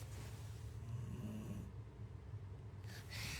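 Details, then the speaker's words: Man sleeping beside the listener, snoring very loudly (likened to frogs croaking in a rice field): loud, low, rumbling snore sustained through the breath, with room noise; heavy snoring. "kencang banget anjir. Ngonoknya tuh kayak ngal-ngal kodok dek sawah gitu loh."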